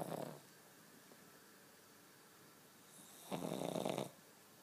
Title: King Charles Spaniel Snoring